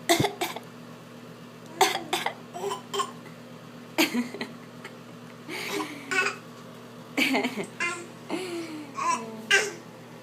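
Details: Young child with a bad cough: short, irregular cough bursts mixed with babbling and vocal sounds in a quiet room.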